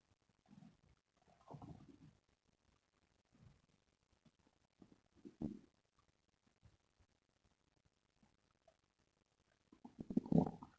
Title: Stomach growling sounds #2